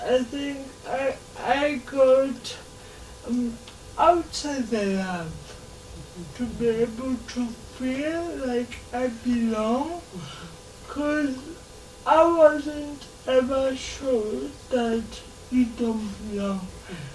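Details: 26-year-old woman with lifelong cerebral palsy who began talking much later than other children; dysarthria in cerebral palsy.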